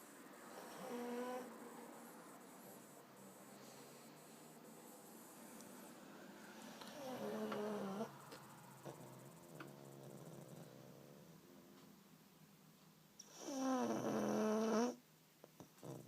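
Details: Pug dog snoring while asleep after a long walk: a few drawn-out, whistling nasal snorts several seconds apart in a quiet room.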